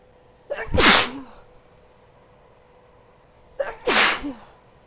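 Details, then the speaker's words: Woman sneezing twice in a quiet room, each with a short sharp in-breath and then a forceful hissing burst. "Oh my god. Oh, bless me. Oh god, but that felt good."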